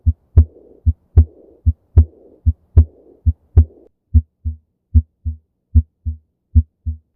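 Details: Heartbeat at about 75 a minute with a soft blowing diastolic murmur after the second sound, contrasted with clean normal beats; aortic regurgitation murmur.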